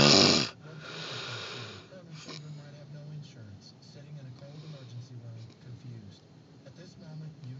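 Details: Sleep snoring: low rumbling snore tones with a loud noise burst at the start and faint background sounds; snoring.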